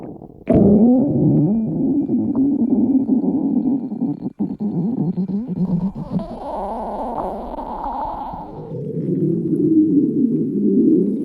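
Long low rumbling gurgles that rise and fall over several seconds, a stomach growl from a red panda.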